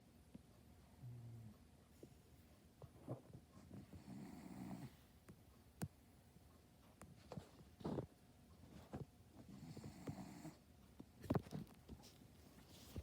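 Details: Boston terrier snoring while asleep: soft, irregular rattling snores with snorts, plus a few sharp clicks from handling in a quiet room.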